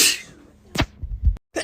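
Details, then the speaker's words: A girl with bad allergies who can't stop sneezing and has swollen eyes sneezes while in a car. A sharp inhaled build-up leads to a single explosive sneeze with a brief follow-on burst. "Nothing is Good morning to me, not being able to stop sneezing. What? Just sneezed all over my phone."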